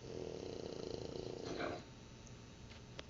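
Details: Sleeping after a full day of play: a fluttering, buzzing snore on one breath that fades into quieter breathing, with faint room noise; snoring.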